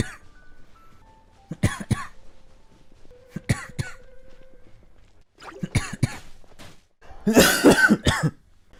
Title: 3minutes of coughing compilation